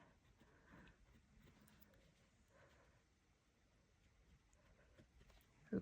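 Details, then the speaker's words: A cute household snorer heard snoring in the background during an embroidery session: ordinary snoring. "reg is um a snorer he gets away with it though cuz he's cute"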